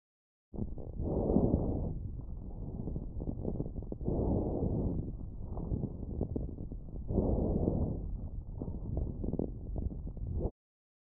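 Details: Child's lung sounds recorded with a StethoMe electronic stethoscope, repeated low bubbling discontinuous pops classified by AI as coarse crackles, characteristic of bronchitis and pneumonia.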